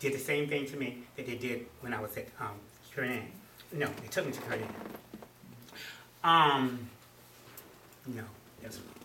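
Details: Adult man with a stroke in November 2007, about 19 months earlier, treated with speech therapy; post-stroke aphasia with word-finding difficulty.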